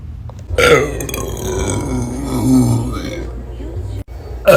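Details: A person voluntarily burping: one long, loud, rumbling belch lasting about four seconds, with a short burst at the end.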